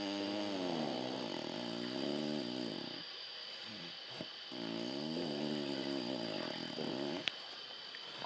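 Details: Dog snoring all night in a noisy room; long, buzzing, wavering snores, each several seconds with brief pauses between.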